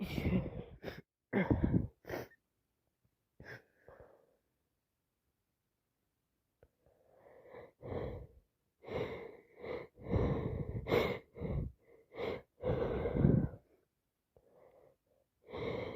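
Repeated wet sneezes with gasping in-breaths and sniffs between them, from an adult with a cold turned sinusitis.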